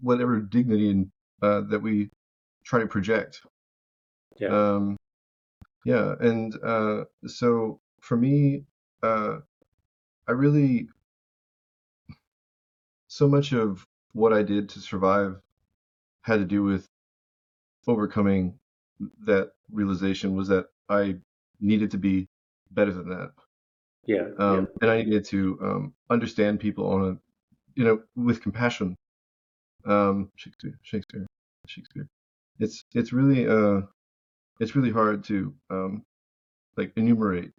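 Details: Adult man living with Tourette syndrome produces a word as a vocal tic mid-sentence; Tourette syndrome vocal tic.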